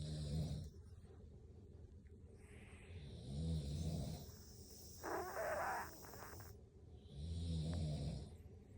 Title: A man and a boy #cat #snoring